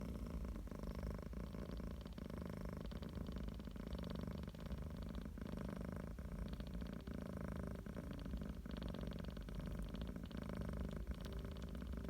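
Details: Cat purring: steady low rumbling vibration with rhythmic pulses, sometimes mistaken for snoring; a normal sound.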